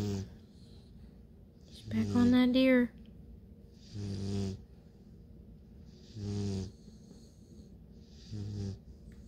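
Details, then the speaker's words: 9-week-old Bluetick Coonhound puppy asleep: loud, regular rasping snores about every two seconds with one longer whining snore; snoring. "So if you can't sleep with somebody snoring, you better not get one of these puppies."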